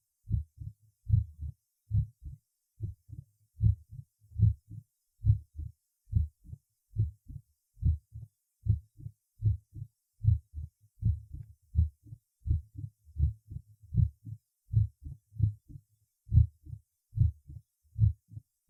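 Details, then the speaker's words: Apex in patient with mitral stenosis: regular heartbeat about 70/min with loud, shortened, snapping first heart sound. "усиление и укорочение первого тона на верхушке прослушайте хлопающие 1 тонны верхушки у больного с митральным стенозом"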